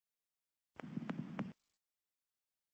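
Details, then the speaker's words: Needle EMG recording: faint, regular sharp clicks over soft crackle, each fiber discharging at its own steady rhythm and described as rain on a tin roof; fibrillation potentials indicating denervated or unstable muscle fibers. "cosa que pueden ver acá es que es regular, siempre está descargando en el mismo lugar en las otras, digamos que en su propio ritmo y digamos que lo describen como un ruido de lluvia sobre tejado en ojalata, o sea, imagínese un lluvia en teja de zinc, básicamente."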